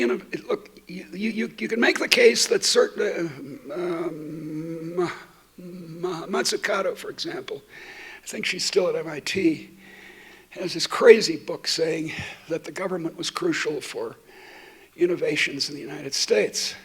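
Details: Adult woman who states she stutters, speaking while she has a terrible cold affecting her voice; stuttering.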